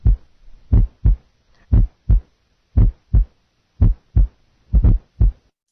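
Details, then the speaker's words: Heart with a fourth heart sound heard through the stethoscope bell held lightly, then with pressure on the bell, which makes the S4 disappear. "listen now to a heart with an s4 with a bell lightly held then pressure will be put on the bell [Music] note that the s4 disappears bell lightly held pressure on the bell"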